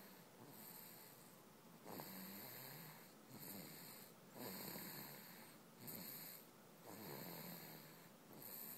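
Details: Snoring during a daytime sleep.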